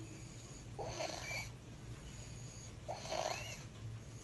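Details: Two harsh, noisy breaths with a raspy, slightly musical edge over steady background hum, then a sharp noise, from a child in a pediatric bronchoscopy presentation; stridor.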